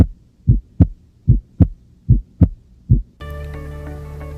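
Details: Physiological splitting of the second heart sound.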